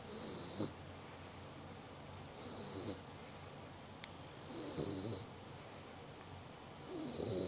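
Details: 2-month-old Dogue de Bordeaux puppy snoring in sleep: rhythmic noisy snoring breaths, about 13 breath cycles a minute, with soft snorts on some breaths.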